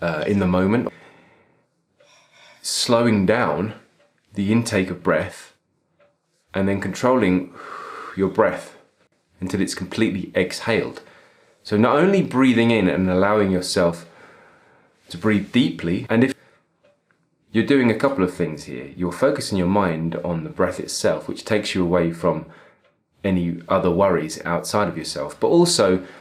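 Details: Adult male speaker; normal speech.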